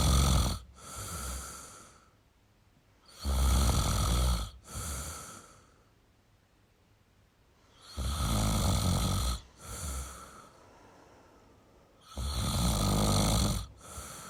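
Loud, rough snoring on each breath with quiet pauses between, about 13 breaths a minute.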